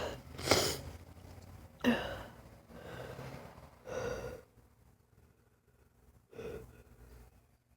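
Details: Several sneezes and sharp nasal bursts with breathy gasps between, in a quiet room; lifelong sudden sneezing fits lasting 3-5 minutes for no clear reason, not allergies, no itch before or after; paroxysmal sneezing.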